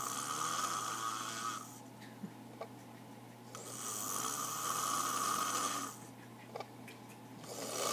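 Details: Sleeping person snoring.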